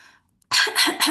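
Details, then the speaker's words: An adult simulates a paroxysmal whooping cough in a paediatric respiratory teaching session: a quick run of about three harsh cough bursts without pause, described as coughing until breathless. "and they cough and they cough and they cough and they cough and they cough until they don't have any more breath and they still can't breathe and they still can't breathe."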